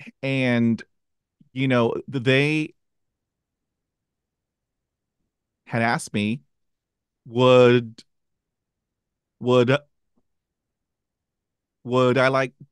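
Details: Stuttering in an adult who stutters, with part-word repetitions heard before a word.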